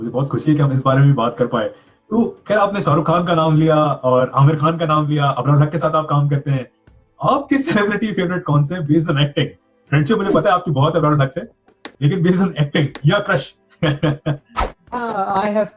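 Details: Adult male speaker; ordinary speech.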